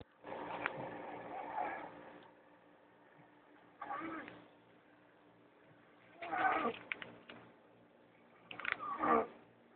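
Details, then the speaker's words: Female snoring: loud, rough, rasping breaths in irregular bursts with quiet gaps between them; heavy snoring. "[Music] That's her snoring. [Applause]"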